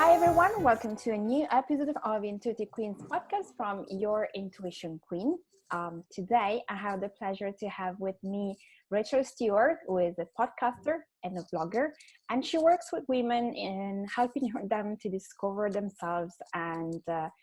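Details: Adult woman speaking; normal voice.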